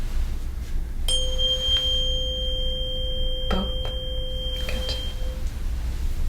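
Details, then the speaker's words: A struck tuning fork rings with a steady pure tone that slowly fades, placed on top of the skull for a Weber hearing test during a head-to-toe exam on a real person. There is no lateralization, which is normal. "m going to strike the tuning board. Place it on the top of your skull, and you're going to let me know if you hear it first in this ear, that ear, or both at the same time."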